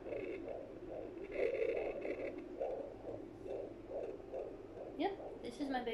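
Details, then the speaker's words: Home fetal Doppler with gel on the pregnant belly while the baby is moving: rhythmic whooshing pulses, regular at about 140 beats a minute; normal fetal heart sounds. "how it works you basically just put some gel on your belly and then you hear your baby's heart"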